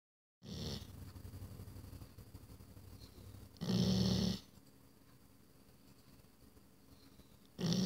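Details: Dog (Lola) snoring: loud, rattling snores every few seconds, about 17 a minute, with quieter breathing between them.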